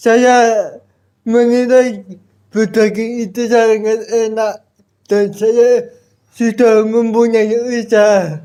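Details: Adult with cerebral palsy, described as thinking well despite the disability; dysarthric speech (cerebral palsy).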